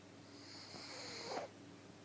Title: Breezy the elegant pug snoring !